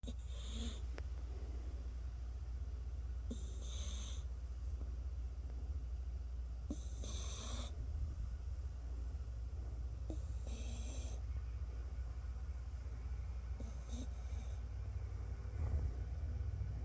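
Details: A dog snoring with soft, whistly sounds about every three and a half seconds, roughly 17 breaths a minute, over a steady low room hum.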